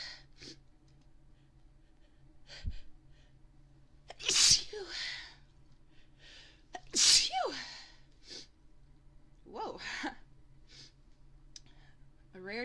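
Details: Woman's candle-induced sneezing: three sneezes in a row, each with a sharp hissing burst, plus a few softer breaths in a quiet room.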